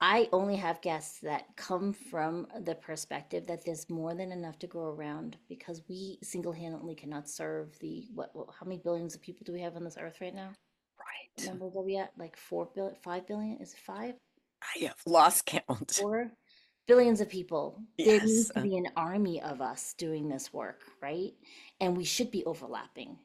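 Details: Adult women in conversation; typical voice.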